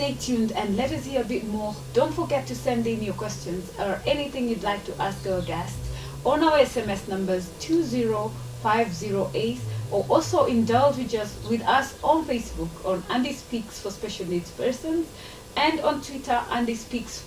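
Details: Adult woman speaking (presenter); Normal speech.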